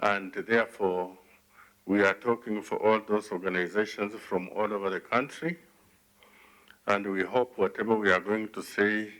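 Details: Adult man speaking; normal speech.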